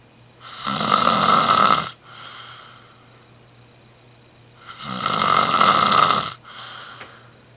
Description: sleeping snore